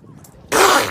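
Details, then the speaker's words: Elephant seal sneezing, filmed February 2019 in a very cold place, possibly Antarctic: a quiet lead-in, then a sudden loud, wet, spluttering nasal burst. "So here is the noises that elephant seals make when they sneeze."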